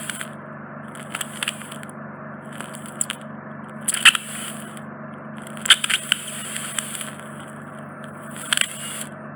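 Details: Steady low suction hum with intermittent crackling and scraping bursts during microsuction of a large, deep impacted wax plug in a man's right ear canal causing reduced hearing; the wax comes through a narrow canal entrance.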